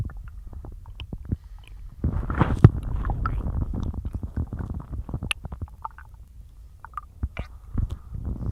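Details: Stomach growling (borborygmi) in a bloated stomach after a massive lunch of cheese-loaded pasta and a large chug of milk: low rumbling and gurgling with irregular pops and a louder burst partway through.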